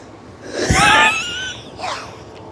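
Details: A person's strained, high-pitched wheezy laugh with whistling tones, then a softer breathy rise; the person says laughing this hard hurts their throat and mentions coughing.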